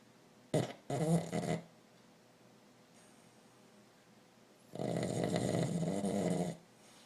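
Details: Pug napping and snoring: loud rattling, snorting snores, a brief pair then one long drawn-out snore, with quiet breathing between.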